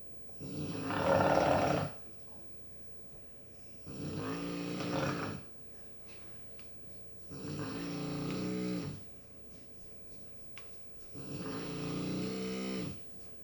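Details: Dog snoring while asleep: four rhythmic, rattling, buzzing inhaled snores at about 17 a minute, with quiet gaps between.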